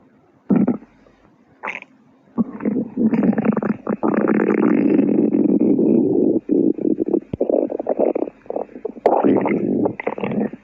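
Long, loud low gurgling and rumbling from the belly; stomach growling, ordinary gut sounds.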